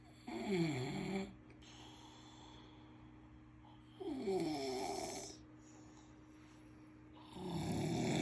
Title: like daddy like son " snoring "